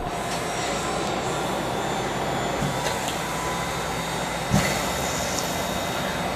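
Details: Mechanical insufflation-exsufflation (cough assist) machine connected to a father's tracheostomy tube to clear secretions, cycles with pauses between: steady loud motor and airflow roar with brief clicks and surges.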